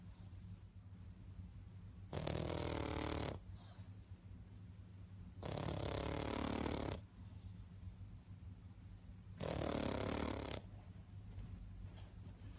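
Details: Snoring in a sleeping pug dog: three loud, rough, vibrating snores about every four seconds, with steady background hum.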